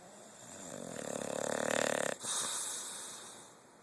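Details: Dog sound asleep snoring: a single long, rattling snore that rises to a buzzy peak and ends in a short, softer rush of breath.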